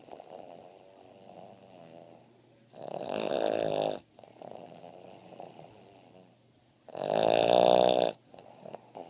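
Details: Boston Terrier dog snoring: two loud, rough, rattling snores on the in-breath about four seconds apart, with quieter snuffly breathing between.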